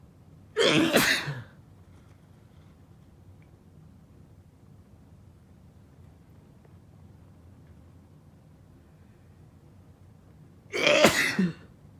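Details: Two sharp, explosive sneezes about ten seconds apart during a sneezing fit, quiet room noise between them: sneezing.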